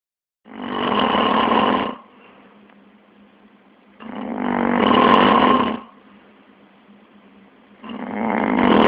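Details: An adult man snoring heavily during sleep, which the uploader calls sleep apnea: loud, harsh snores every three to four seconds with quieter breathing between them.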